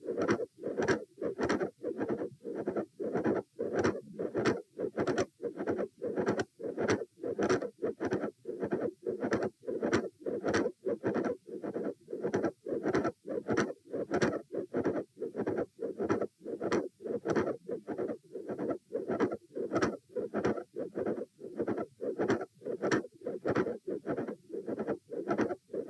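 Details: Heart sounds recorded at position A with the patient sitting: a regular rhythm with a loud S1, a midsystolic click and a fixed split S2.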